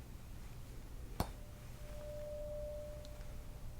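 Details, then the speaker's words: A tap, then a faint steady pure tone fading out: a tuning fork sounded far from the ear, contrasted with close, in an acted ASMR roleplay hearing test where the patient says close or far. "Alright, so for example, this is what close would sound like. Okay. And this is what far would sound like in comparison."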